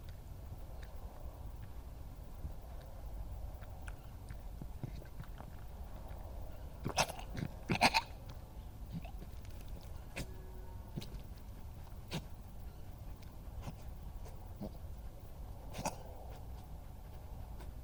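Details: Young female badger filmed on a yard IP camera in Somerset, England: soft lapping clicks while drinking, then two sharp coughing splutters close together and a smaller one later, a cough and splutter after a long drink.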